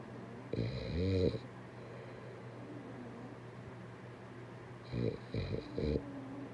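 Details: Snoring: two loud, rattling snores with a whistling edge, separated by quiet breathing, over steady room hum.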